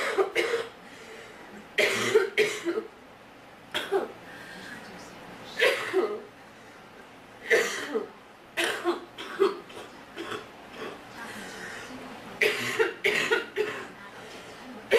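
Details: Girl with a sore throat coughing repeatedly: short coughs, about ten bursts over fifteen seconds, some in pairs, in a quiet room.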